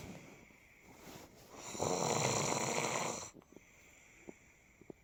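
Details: One long, loud rattling snore on a breath in, then quiet with faint clicks; snoring during sleep.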